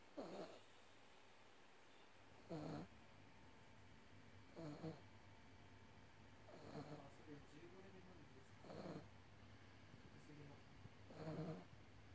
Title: イビキをかいて寝る愛犬 #Snore dog #イビキ #犬